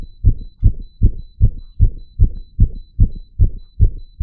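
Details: Real heartbeat sounds, rapid and regular at about 154 a minute, with faint beeps from a 3-lead ECG monitor. The person deliberately made their heart beat super fast using "tricks": a fast heartbeat (tachycardia).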